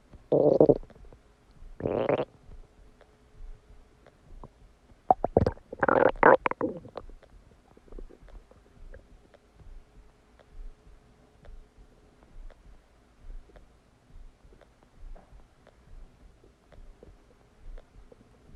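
Loud gurgling stomach rumbles in bursts, then quieter intermittent gurgles; ordinary digestive bowel sounds after a meal.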